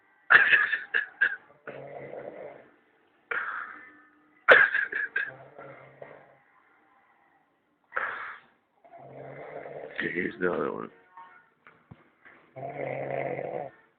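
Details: Snoring: irregular rough, rattling snores with snorting bursts and pauses, about 14 per minute, with background music and laughter.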